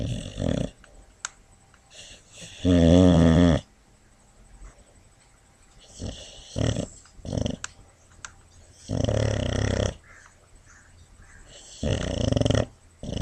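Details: Boxer rescue dog, heartworm-treated, with injured knee, sleeping on a lap and dreaming: loud, rough, rattling snores in irregular bursts with quiet gaps; ordinary snoring during sleep.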